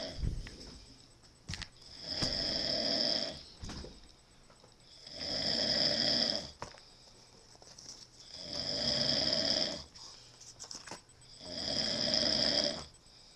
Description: Obnoxious snoring, cigarette in mouth LOL